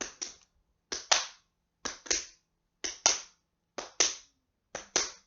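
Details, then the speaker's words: Imitated normal heart sounds, paired sharp taps in a steady lub-dub rhythm about 63 per minute, illustrating the cardiac cycle: a longer, slower lub followed by a shorter, sharper dub. "You know that kind of rhythm? Lub-dub, lub-dub, lub-dub. That's actually something that you'll see in cardiac textbooks."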